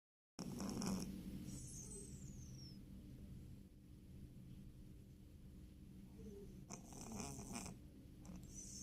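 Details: Sleeping cat snoring: soft, low rumbling breaths with faint room noise.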